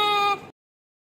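A single short, high, clear cry that cuts off abruptly: a newborn's cry just after birth.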